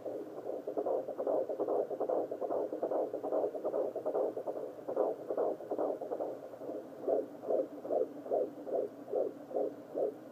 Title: Babies heart rates on fetal heart rate monitor